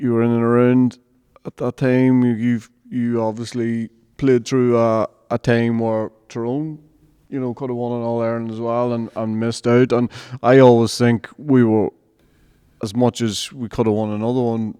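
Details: Adult male speaker; normal speech.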